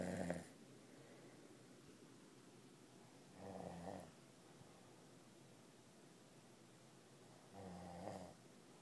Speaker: even Lucy's awake because snor so damn loud